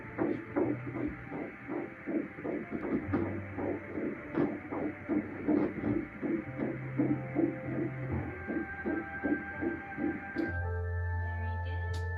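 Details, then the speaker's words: Fetal heartbeat on ultrasound Doppler in an IVF pregnancy, baby girl, head on one side: fast, regular pulsing beats at about 157 a minute with machine tones at the end; normal, strong fetal heartbeat. "we have the baby baby's head on this side little belly there began by hearing the heartbeat"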